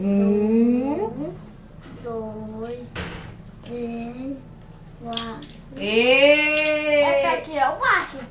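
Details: Young child counting aloud, with an adult voice nearby; speech of a child with a cochlear implant.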